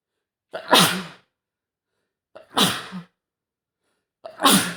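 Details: Adult male with a horrible cold for over a week, at home: three forceful sneezes in a row, each a sharp intake then explosive burst; sneezing fit.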